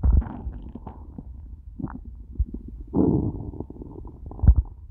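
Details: After eating nothing all day, long low rumbling and gurgling with louder surges; stomach began to hurt by the end; loud stomach growling (borborygmi).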